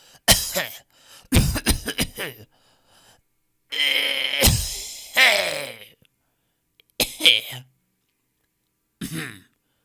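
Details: Stock audio of people coughing in different styles: several separate coughs, some harsh and throaty, with a throat-clearing quality.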